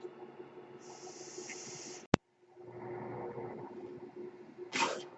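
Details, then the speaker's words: Mechanical ventilator sound heard while the user speaks, identified by the speaker as the noise of their own ventilator. "My name is, that noise you're hearing is my ventilator."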